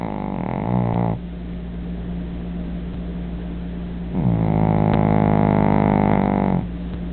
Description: my dog snores